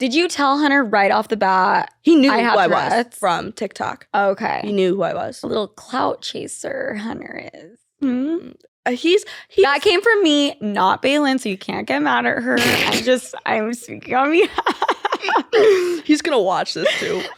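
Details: Adult; typical speech.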